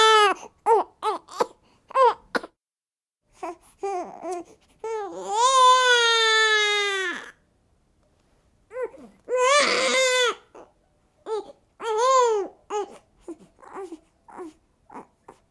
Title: Newborn Baby Crying Sound Effect Royalty Free SFX HQ